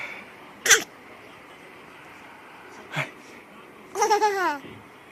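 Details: Father's pretend "achoo" sneezes, sharp bursts in a quiet room, each followed by an infant laughing; simulated sneezing.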